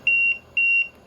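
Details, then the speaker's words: Repeating high-pitched electronic beeps in pairs from an LTV-1200 mechanical ventilator: low pressure alarm, signalling lost circuit pressure from a leak, circuit disconnection or dislodged ET tube. "low pressure this limit is set to alert you when there's a loss of pressure in the circuit basically the air is not staying in the circuit because there's a leak somewhere maybe the circuit has become disconnected from the advanced"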